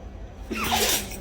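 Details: Dog giving a sneeze on command: a single brief, forceful nasal burst; dog sneeze.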